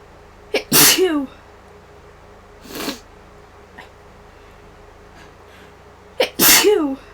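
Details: Person with allergy to flowers, Claritin worn off, constant runny nose and headache: two sharp, forceful sneezes with quick intakes and voiced trailing sound, a softer sniff between.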